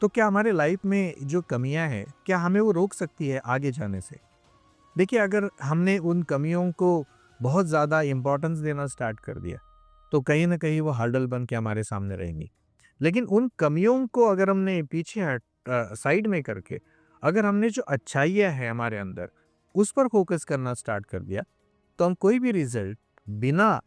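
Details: Adult speaker, likely female; normal speech.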